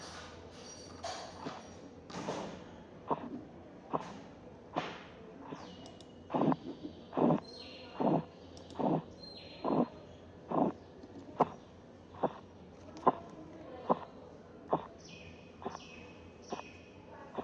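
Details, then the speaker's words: Regular tapping Korotkoff sounds at about 72 a minute, appearing, strengthening, then fading as the cuff deflates; reading 132/86. "el nivel de presión sistólica en este caso estuve en 182 notaron que en 170 desaparecieron los ruidos pero volvieron a aparecer luego hasta 116 donde desapareció la presión"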